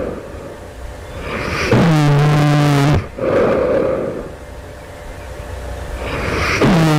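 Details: Loud, deep, rattling snores on the in-breath with quieter pauses between, recorded at night just before waking; the snorer wonders whether it sounds like developing sleep apnea.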